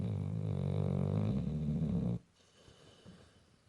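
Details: Sleeping pit bull dog giving one loud, low, rumbling snore lasting about two seconds, then near silence; natural sound, not enhanced; snoring.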